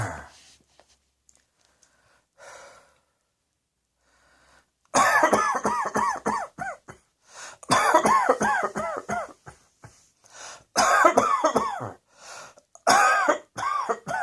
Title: Cross Dressing Coughing 104